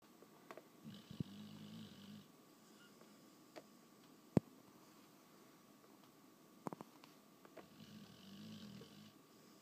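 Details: Pit bull dog sleeping and snoring: two soft, low rumbling breaths several seconds apart with scattered clicks and room hum; quiet snoring.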